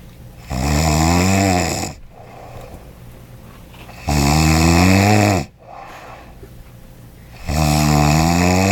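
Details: Person snoring loudly while asleep in a hotel room: loud, buzzing, vibrating snores on each in-breath, three in the clip, roughly 17 breaths a minute; heavy snoring.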